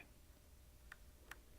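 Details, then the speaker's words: Philips HeartStart OnSite AED training demonstration: two soft, sharp metronome ticks in a quiet room pacing chest compressions during CPR prompts after a shock was delivered; heel of hand centre chest between nipples, push firmly, keep time with the beat. "the heel of one hand in the center of the chest between the nipples place your other hand on top of the first push the chest down firmly two in keep time with the beat"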